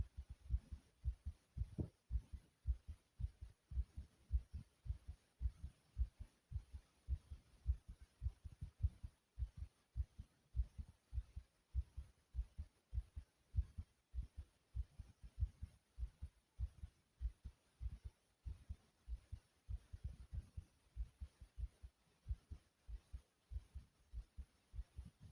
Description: here's another recording of my heartbeat pounding inside of my chest.